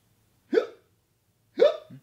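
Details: Male friend with hiccups while others try to help him get rid of them: two short, abrupt voiced hiccups about a second apart; hiccups.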